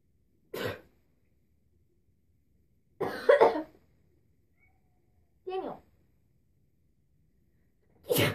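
Four separate sharp sneezes with silence between them; ordinary sneezing.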